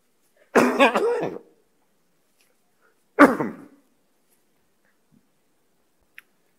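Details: Adult male president coughing during a formal budget speech, later apologizing: two separate harsh coughs, the first a double burst, in a quiet room; cough.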